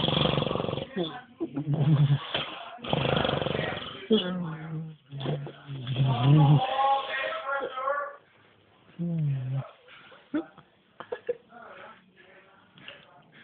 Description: drunk fat man snoring